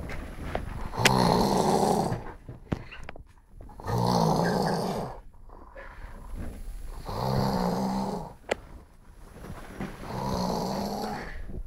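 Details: A person snoring loudly at 6am, with rough, rattling snores on each in-breath, about 20 a minute and fairly steady; ordinary snoring.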